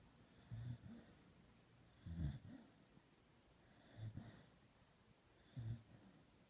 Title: GINGER IS SOUND ASLEEP AND SNORING, ONLY HAPPY DAYS AHEAD